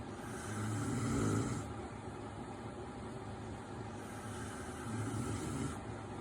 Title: Husband snoring